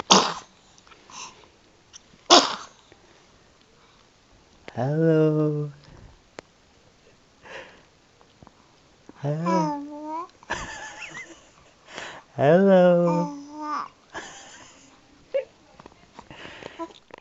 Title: 3 month old daughter says hello(and sneezes)!